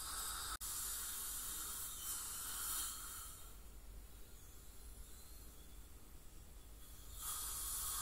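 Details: Ultrasonic scaler with dental suction during professional teeth cleaning by a dental hygienist; patient has heavy plaque and tartar buildup (possibly scaling with gingival inflammation or full mouth debridement). Steady high hiss with a low rumbling undertone that eases and returns.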